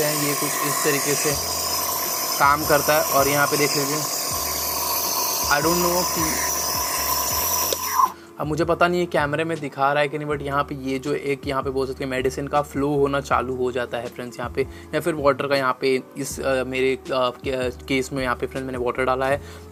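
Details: Niscomed NB-117 nebulizer compressor running: steady loud motor hum with a rattling buzz over the first several seconds, then stopping, with talk and music behind.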